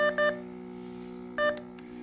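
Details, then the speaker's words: A Nonin LifeSense II capnography and pulse oximetry monitor sounds an alarm: pairs of short electronic beeps repeat over a steady hum. A rapid beep sequence signals that breathing has been affected for 25 seconds, while slower beeps mean equipment events. "eath has been affected for 25 seconds you will hear a rapid beep sequence and a flashing of the limit exceeded on the display other alarms with the slower beep speed may occur indicating an equipment related event you need to resolve"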